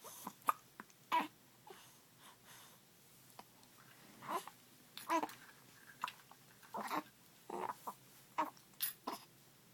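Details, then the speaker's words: Infant hiccups on waking, while trying to smile and said to get hiccups often: soft babbling and breathing broken by short, abrupt hiccup sounds at irregular intervals. "So I can't smile and I have the hiccups."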